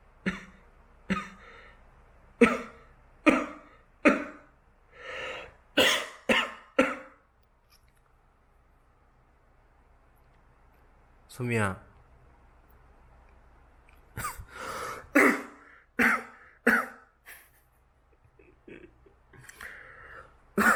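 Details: Adult person deliberately making short, dry coughs and throat-clearing in small quiet bursts, to which the cat reacts with a tail dance; voluntary cough.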